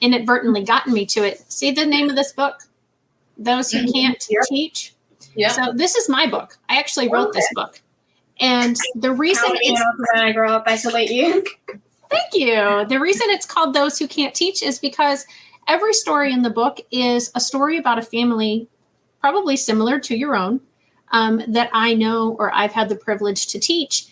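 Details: Adult woman speaking; normal speech.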